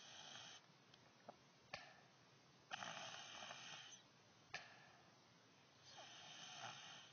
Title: a cute sort of snore